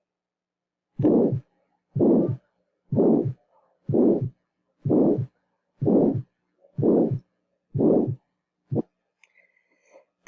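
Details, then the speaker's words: Abnormal cardiac auscultation: regular heartbeat around 62 a minute, each beat a drawn-out rushing sound ending at the second heart sound, with brief other noise at the end: a systolic murmur. "entonces escuché recuerden ese uno soplo es de 2 aquí hay un soplo sistólica"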